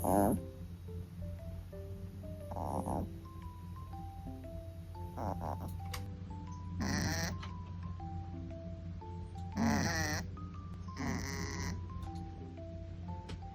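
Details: Sleeping cat snoring after chatting; several soft, rasping snores a few seconds apart under gentle background music: snoring.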